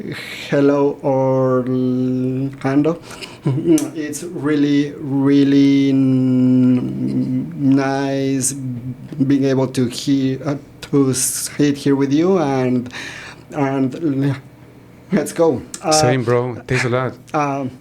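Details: Stuttering in a man in his 40s, born in Mexico and living in Texas; he noticed it around age five or six, his father also stutters, and he believes it runs in the family.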